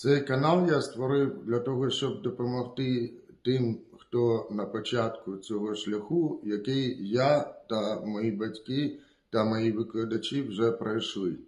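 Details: Speech of a 35-year-old man deaf from birth, with grade 4 hearing loss in the right ear and grade 5 in the left, who now hears with modern hearing aids.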